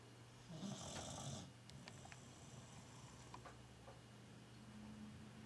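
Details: Sleeping Tibetan Terrier dog, diabetic and blind: low, rumbling breaths and soft snorts in a quiet room; snoring.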